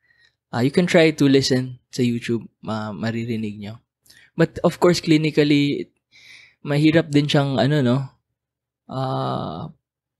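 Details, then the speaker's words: Patient asked to say 'e' is heard through the chest as 'ah': egophony, a sign of lung consolidation such as in pneumonia. "so i think it's something to do with the frequency of the sound there's a travel frequency because of consolidation and i tried to search this before youtube before so when you ask the patient to say e"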